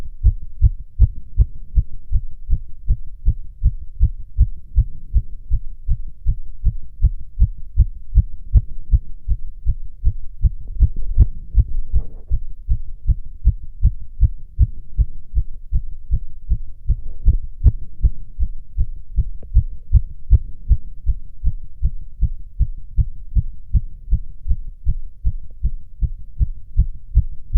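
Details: Self-auscultation with tactile exam, standing (orthostatic) and sitting: rapid, regular heartbeat around 150–160 a minute with clean heart sounds and no added noises: tachycardia with normal heart sounds.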